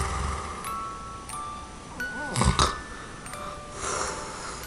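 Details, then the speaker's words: Adult's usual snoring in deep sleep, recorded without an anti-snoring tongue sleeve, which holds the tongue to stop the tongue base collapsing back; the snorer says it sounds like they are nearly suffocating. "好，那首先测试没有戴舌套的部分。为了避免浪费时间，所以我们直接跳到深度睡眠的部分。大家可以仔细听，这是我平常睡觉打呼的声音。"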